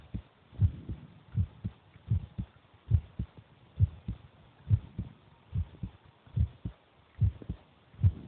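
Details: Heartbeat of the recorder's brother recorded while he is eating: steady paired lub-dub heart thumps at about 73 beats a minute.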